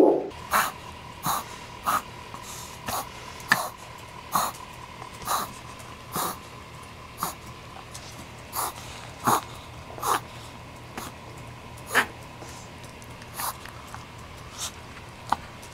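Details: Dog reverse sneezing, an involuntary episode lasting under 2 minutes, makes repeated loud, snorting inhalations at roughly one per second.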